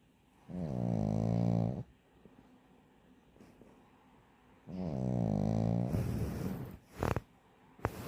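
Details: Sleeping pug puppy snoring: two long, loud, buzzing snores about four seconds apart, followed by snorts and a click.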